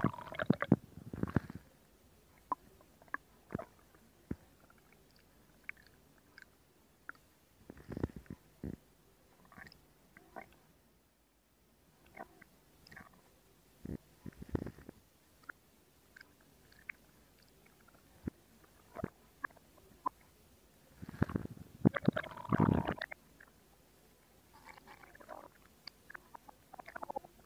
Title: Stomach Sound [Stomach Growling][ASMR] [2022-08-12] | Zhongwen ASMR